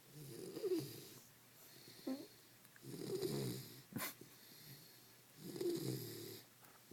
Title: snoring